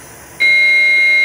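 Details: EMT practical-exam demonstration of AED use in simulated cardiac arrest: a sudden steady high-pitched electronic tone from the defibrillator starts and holds over quiet background; AED beep.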